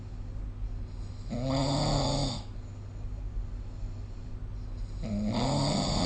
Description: This is the sound of snoring recorded using SnoreLab : Record Your Snoring